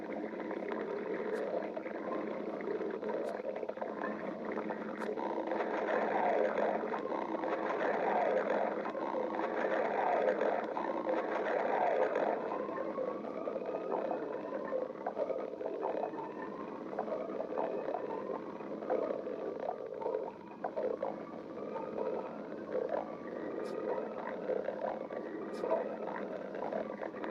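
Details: Continuous gurgling rumble with rising squeaky sweeps: stomach growling (borborygmi).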